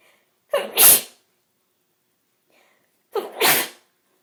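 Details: Person with bad hay fever: two separate sneezes, each a quick intake of breath then a sharp burst; sneezing from hay fever.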